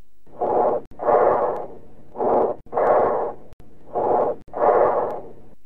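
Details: Educational auscultation recording of bronchial breath sounds, as heard over consolidated lung: harsh, hollow, blowing breaths with long expirations and a clear pause between inspiration and expiration.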